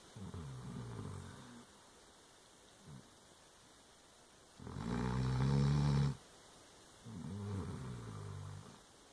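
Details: Female Dobermann dog snoring in sleep: deep, rumbling snores with one louder, longer snore in the middle.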